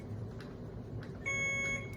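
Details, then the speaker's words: Loud, steady electronic IV infusion pump alarm tone after quiet room noise, in the hospital room of a stage 4 melanoma patient on day -7 of TIL therapy, starting cyclophosphamide chemo with continuous IV fluids. "Um, the alarm for these pumps, which I think I almost feel like is universal for all of these IV pumps, no matter where you go. Uh, once you hear it, you'll never unhear it."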